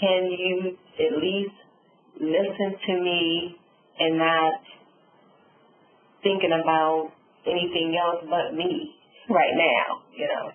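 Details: Adult female stroke survivor with aphasia and apraxia of speech following a subarachnoid hemorrhage and stroke; she reports sometimes being unable to think of the word.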